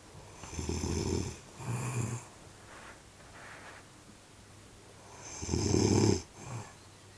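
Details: A mother snoring: loud, rough, rattling, gurgling snores on the in-breath, separated by quieter breaths out.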